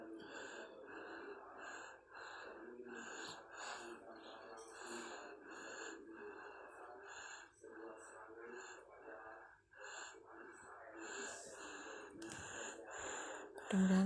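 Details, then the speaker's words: Sleeping infant with fever and warm body, cooling patch applied, snoring with rapid, rough, gasping, laboured breaths; snoring with laboured breathing. "Kasihan tuh, nafasnya juga tersengal-sengal gitu karena badannya tuh"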